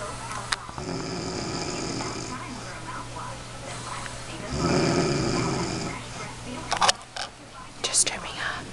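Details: A mother snoring at about 3 a.m. after alcohol and sleep deprivation: long buzzing snores on breaths in, with faint room noise and a few clicks and knocks near the end; snoring.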